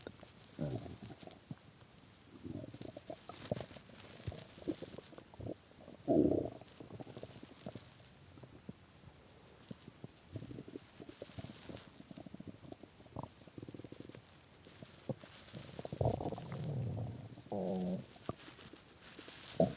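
Irregular low gurgling and rumbling bursts with quiet gaps between them: stomach growling from hunger.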